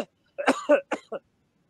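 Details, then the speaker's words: A short cluster of about three coughs, the first harsh and the rest quicker and softer; ordinary cough played as an example alongside wet and dry cough types for a COVID-19 cough-distinguishing challenge. "okay so that would be a regular cuff and the second audio yeah that's another another cuff"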